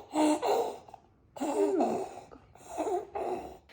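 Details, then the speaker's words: A baby with croup, cared for at home: classic barky cough and noisy, harsh, high-pitched crowing stridor on repeated breaths in. "gives that classic both barky cough and that high-pitched strider sound which is that noisy breathing in."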